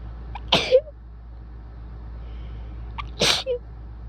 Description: I’ve been in a sneezy mood the last few days :-)) anyway here’s some really wet sneezes for you (my shirt is soaked)